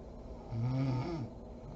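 A single low, buzzing snore on one breath in a quiet room, from the soft tissues of the throat vibrating during sleep.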